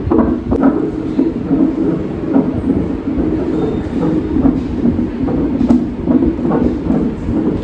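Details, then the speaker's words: Fetal heartbeat heard on a non-stress test (NST) monitor in a hospital room during pregnancy. "तो guys यहां room का चल रहा है एनएसजी टेलर। बेबी की हार्ट बीट सुनाई दे रही है।"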